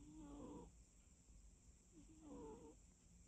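Two soft, rasping, tonal breathing sounds about two seconds apart over a steady room hum, fitting a sleeping cat's snoring.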